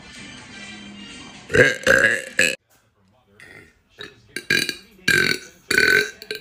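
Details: Several loud, drawn-out burps in a row with background music: repeated belching.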